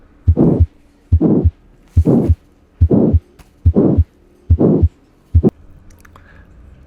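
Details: Subvalvular aortic stenosis murmur, best heard at the mitral and tricuspid areas, grade 3/6 to 4/6: regular heartbeat near 71 a minute with a harsh, medium-pitched, diamond-shaped mid-systolic murmur between the heart sounds.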